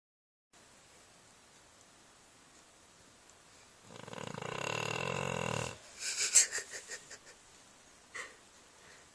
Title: snoring dog